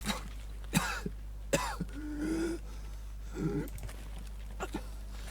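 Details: Coughing: several short, harsh coughs and throat-clearing sounds over a steady low hum.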